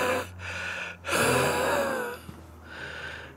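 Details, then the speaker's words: Adult former 9/11 landfill worker, on about 20 pills daily and 3 inhalers, increasingly winded while talking: noisy effortful breaths with faint whistling wheeze on longer breath; wheezing. "The stuff gets on you. As you can hear me wheezing."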